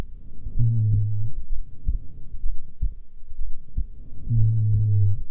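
Low, muffled thumps with a deep humming tone at about 63 a minute: a resting heartbeat.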